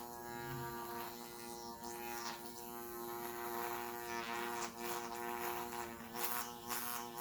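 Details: A microneedling pen treating a client's face: a continuous electric buzz with a steady hum and brief scraping touches.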